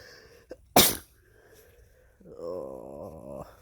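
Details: Male sick with a cold (his third cold this year) sneezing: a short intake, then one sharp explosive sneeze, followed by a brief voiced sound.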